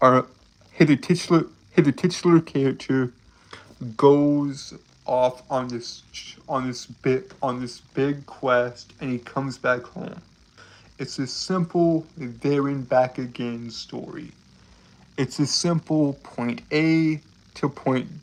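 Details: Man who reports a speech impediment causing stuttering. Finding: stuttering.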